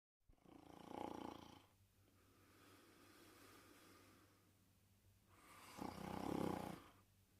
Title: Porkchop Sleeping & Snoring in 1 minute & 14 seconds